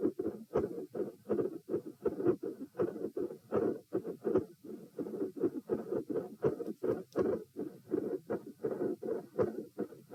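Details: Heart sounds about 80 a minute from a sitting subject, recorded at position P, with fixed splitting of S2 plus extra sounds and clicks between beats.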